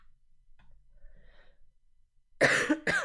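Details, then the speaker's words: Cough from a 24-year-old who says they cough so much they can't sing and mentions a past mycoplasma infection: quiet breathing, then two harsh cough bursts in quick succession. "i can't sing because i cough that's why i shouldn't have been to the concert yesterday because"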